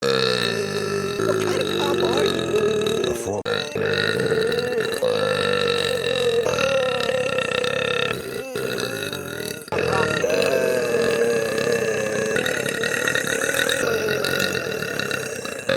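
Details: A female VTuber streamer belching in a compilation: long, drawn-out, voiced belches, nearly continuous with brief pauses; prolonged burping.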